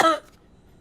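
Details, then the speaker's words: A single short, harsh cough, then quiet; the cough is blamed on the air conditioning and a remedy is given at a doctor's visit. "¿Sabes qué? Te voy a llevar al doctor. Bueno, con esto se le va a quitar la tos."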